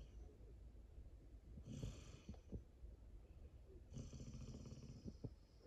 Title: Black Lab Snoring 2022